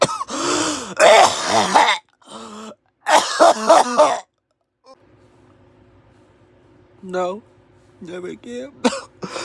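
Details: Two loud, harsh coughing fits with throat clearing, then quieter hoarse hacks over faint room hum, from a person still coughing; repeated coughing.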